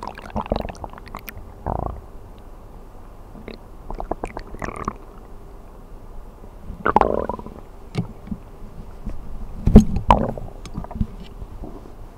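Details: Stomach rumbling (borborygmi) of a person sleeping on an empty stomach, ASMR recording: irregular gurgles, squeaks and low rumbles from hunger over a quiet steady hiss.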